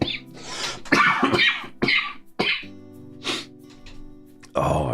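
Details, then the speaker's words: Dry cough with wheeze from an adult who is still sick: a run of harsh, dry coughs with a faint piercing whistle through them, over background music. "but like can you hear that when I cough like that wheezing that wheezing um that like pierces through the coughing like that is what worries me"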